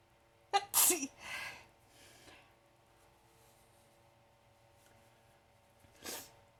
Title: Sneezing morning on the bed